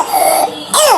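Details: Child or infant with croup giving two harsh, barking, seal-like coughs, the typical croup cough.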